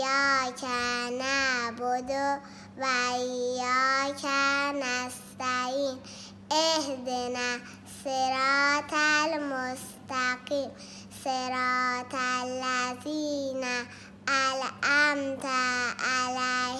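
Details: Child after cleft palate repair, presented as normal speech following surgical repair of the palate.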